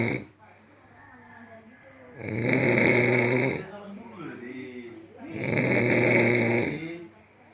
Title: Suara ngorok no 1 dunia